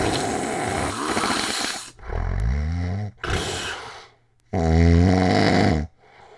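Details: Very loud, harsh, rumbling snores with a rattling, growling quality on breathing in, separated by short quiet gaps, self-recorded overnight in 2016 by a man with sleep apnea: loud snoring, obstructive sleep apnea.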